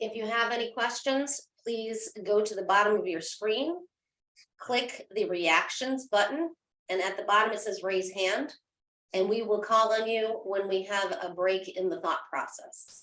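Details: Adult woman speaking; normal speech.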